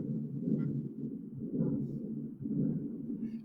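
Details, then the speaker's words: Continuous rumbling machinery murmur at about 56 a minute, swelling with each beat, like factory machinery: continuous machinery murmur. "es un soplo continuo porque no hay gran variación de presiones y el soplo tiene esta característica o en una fábrica de tejido sientan el ruido de una maquinaria por eso se llama sop"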